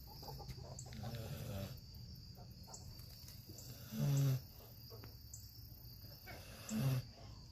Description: Just a sleepy dog snoring.